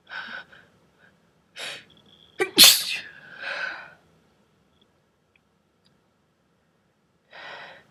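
A single breathy sneeze: audible in-breaths, then a sharp explosive burst trailing off into an airy exhale.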